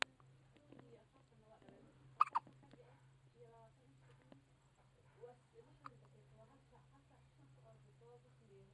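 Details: Newborn baby in a quiet room with a steady low hum, giving brief, abrupt little catches of breath at irregular intervals; hiccups.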